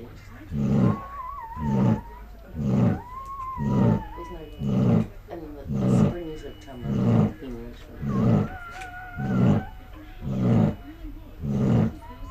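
Loud, regular rumbling snores, roughly a breath every second or so, with whistling and squeaky tones over some of them; heavy sleep snoring.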